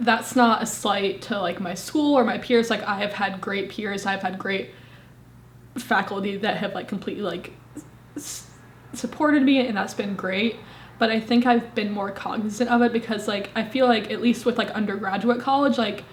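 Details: Woman, 25, with a severe stutter, first recorded at 18; stuttering.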